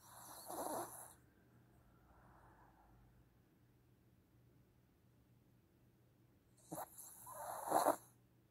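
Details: Snoring during a nap: two soft, rough snoring breaths separated by a long quiet pause in a quiet room.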